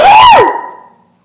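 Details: One very loud, sharp, painful sneeze caught while recording an essay read aloud: a rising then falling voiced burst, fading with room echo.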